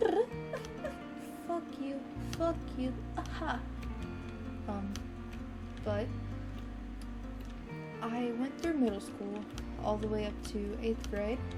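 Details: Teenager diagnosed with Tourette syndrome by neurologists, with vocal and motor tics that were minor from early childhood and worsened sharply at age 15; vocal tics include cursing, whistling and repeated phrases; vocal tics (coprolalia) in Tourette syndrome.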